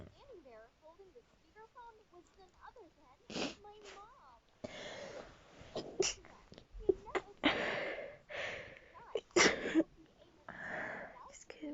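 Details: Tired person sneezing: soft vocal sounds, then a run of sharp, noisy bursts with sniffs between; repeated sneezes.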